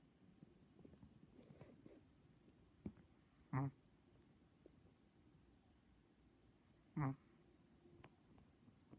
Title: SNORING CHIHUAHUA - SO FUNNY